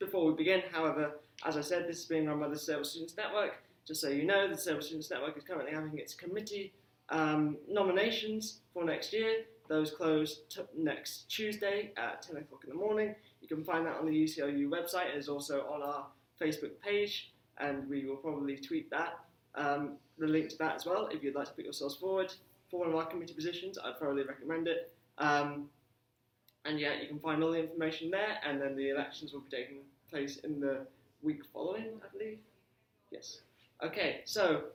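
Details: Adult man speaking; normal speech.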